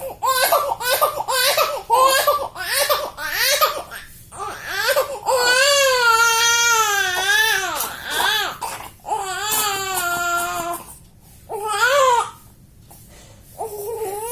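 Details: Infant crying in a context of managing flu and cough in babies: loud, sustained crying in repeated wails with short gasping pauses.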